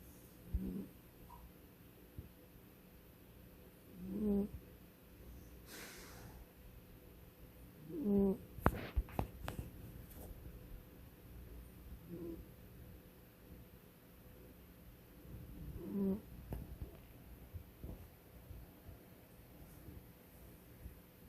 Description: my cat snoring